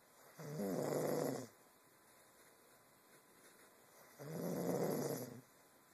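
Two long, rough, rattling breath sounds about four seconds apart, with quiet between them: snoring.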